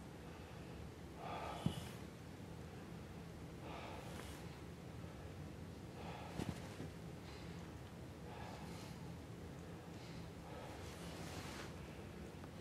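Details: Chest auscultation of a male patient in a demonstrated COPD OSCE exam: slow, regular deep mouth breaths with soft airflow, no wheeze or crackles; normal vesicular breath sounds, equal on both sides.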